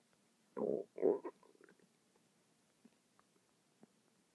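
Two loud gurgling rumbles followed by softer bubbling and a few faint clicks: ordinary stomach rumbling.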